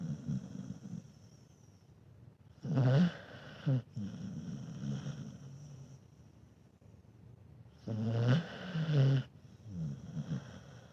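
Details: Dog snoring while sleeping, not too bad; snoring.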